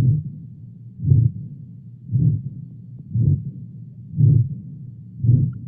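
Regular low heartbeats near 57 a minute, each with a drawn-out whooshing sound, a pathological murmur signalling heart disease.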